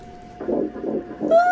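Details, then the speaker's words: Fetal heartbeat on Doppler at a first-trimester visit just over eight weeks' pregnancy: fast rhythmic whooshing pulses, roughly 150 per minute. "oh my God and all worry and stress drifted away I didn't know the relief that that sound would bring me"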